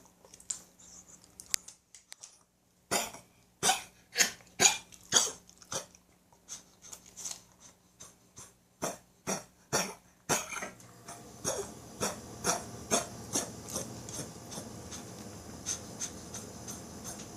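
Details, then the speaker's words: A dog with a suspected allergy (owner unsure) coughs every few minutes, with glassy, watering eyes; coughing follows licking, excitement or itching. Here a long run of quick, dry, hacking coughs, about two per second. "okay that cough that's what he's been doing every few minutes"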